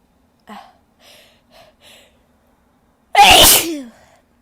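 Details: Soft breathy catches building to one loud, forceful, explosive sneeze with a voiced tail, from a female; normal powerful sneeze.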